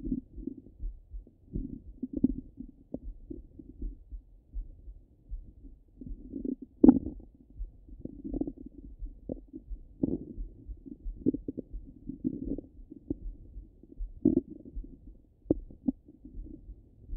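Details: Bowel sounds (ordinary stomach rumbling) heard through a stethoscope: low gurgles and rumbles coming and going irregularly with occasional louder bubbling pops.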